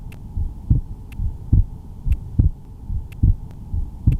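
Steady paired lub-dub heart sounds at about 70 beats a minute, with a faint hum and soft clicks in the background.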